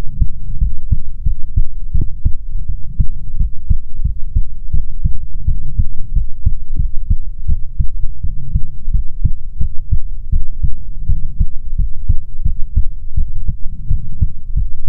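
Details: Steady, regular low thumping, roughly 70–80 beats a minute, over a soft hum, in an ASMR heartbeat recording meant to be soothing; normal heartbeat.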